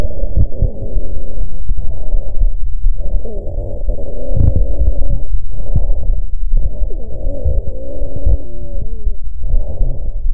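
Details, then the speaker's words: Rhonchi heard by stethoscope over the anterior chest of a patient with bronchiectasis: coarse, low-pitched, snoring, polyphonic, mainly expiratory sounds through repeated breath cycles, indicating secretions narrowing proximal airways. "sería parecido a una sibilancia larga polifónica de frecuencia baja y con predominio espiratorio indica la presencia de secreciones que reducen el calibre de la vía aérea a nivel proximal"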